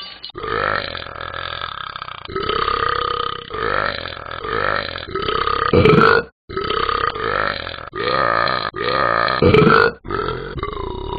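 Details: Simulated burping from the Talking Ben the Dog app: long, loud, drawn-out belches repeated one after another with short pauses.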